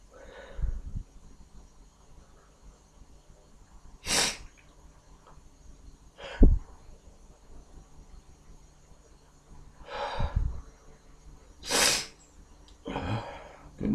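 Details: Several separate sneeze bursts, about five, with breathy in-breaths between them, from an adult with a cold who is deliberately inducing the sneezes after sneezing a lot naturally that day.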